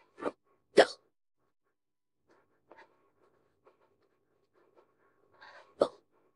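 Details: AI-generated, simulated hiccups of a woman after drinking a can of beer: three abrupt, sharp voiced catches with quiet gaps between them and faint rustling.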